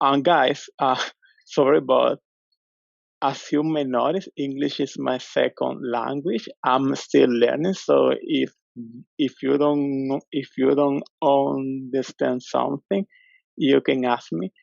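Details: Real recording of a man who stutters, speaking English as his second language and asking a question at a webinar; stuttering.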